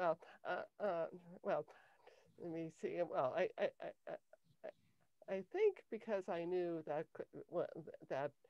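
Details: Adult woman with cluttering since age 5; cluttering.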